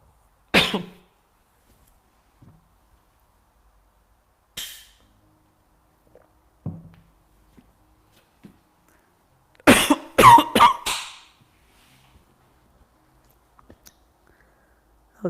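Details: Adult female yoga instructor nearly recovered from a short bout of laryngitis, voice croaky: scattered single coughs and a short cluster of coughs and throat clearing in a quiet room.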